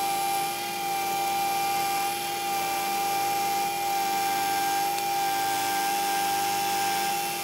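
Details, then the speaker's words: Steady high-pitched whine of a 3.0 mm diameter twist drill preparing a 13 mm deep site for a 3.75 × 13 mm MIS C1 dental implant, after the pilot drill. "i can test my depth using the body try-in next up is the 3.0 millimeter diameter twist drill"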